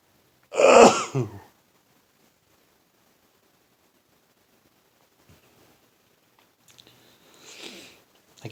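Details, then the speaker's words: Adult with a stuffed-up nose during a daily morning sneezing bout, worse than usual: one forceful sneeze, then a long pause and quieter breathy sounds as a second sneeze builds. "this is a daily routine today's worse that's why your hearings hey hey that's why you're hearing so many doubles triples and quadruples and because my nose is just oh my god tickles"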